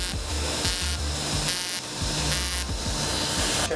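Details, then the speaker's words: Lumenis UltraPulse fractional CO2 laser resurfacing sun-damaged wrinkles on a 35-year-old woman's chest and abdomen, edges being feathered; rhythmic buzzing bursts alternating with a low hum, faint background music. "so this is not consistent squares this is me painting the edges so that we don't get a line of demarcation of where she has a brand new skin okay this feathers out just all painting"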